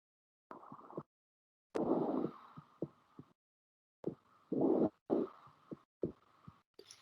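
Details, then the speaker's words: Normal vesicular breath sounds heard at lung auscultation, shown for comparison with pneumonia: soft, rustling airflow with each breath. "y que va a escuchar cuando a auscultar yo del pulmonar pues el mismo paso del aire pero con una intensidad y un tono diferente"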